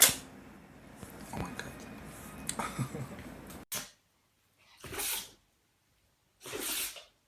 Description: Very funny and adorable sneezing animals. Compilation of sneezing animals just for laugh...God bless them :)